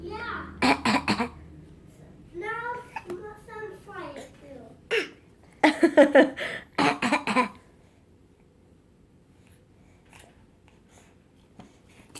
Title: Baby Fake coughing